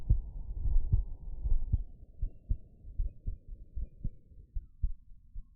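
Steady, low, soft thumps of a heartbeat through a stethoscope at about 77 beats a minute, with some rustling in the first seconds. Normal heart sounds: a regular rhythm at an ordinary resting rate.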